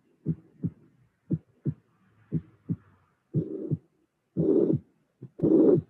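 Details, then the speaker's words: Heart sounds: mitral regurgitation murmur followed immediately by a small low third heart sound; mitral regurgitation with third heart sound. "and now mmur with a small sound low sound immediately after the murmur"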